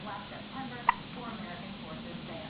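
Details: Hiccups in an awake 6-week-old baby boy, repeated hiccups continuing despite attempts to startle him, with a yawn.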